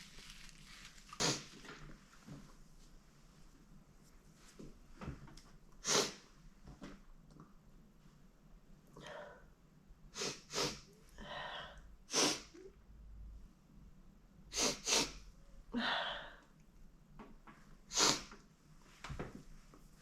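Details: Woman sneezing repeatedly, triggered by chhinkni: about eight sharp, explosive, messy sneezes in quick succession with breathy intakes between them, in a quiet room.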